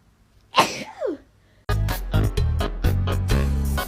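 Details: Sharp sneeze followed by a quick run of short explosive bursts over a steady low hum, several rapid sneezes in a row; sneezing from a compilation of rapid sneezes.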